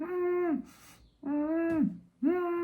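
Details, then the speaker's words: Pediatrician imitates with three hummed, tonal whining sounds the musical wheeze of an infant with recurrent wheezing during viral illness, audible even from a distance. "respira mais rápido faz força abaixa aqui a a fúrcula as costelinhas vão marcando né Isso é o canar e às vezes é audível né a ouvido Mesmo Longe aquele barulhinho"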